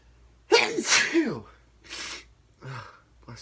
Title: Morning sneezes (Male) 🤧